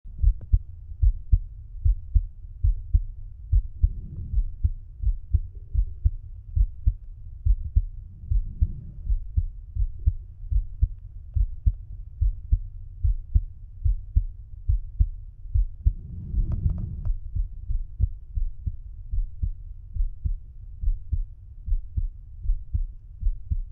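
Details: Adult male's normal heart sounds, self-auscultated with a stethoscope bell at the mitral area (apex) while lying on his side: steady, regular low thumps at about 73 a minute, with a few brief rustling noises.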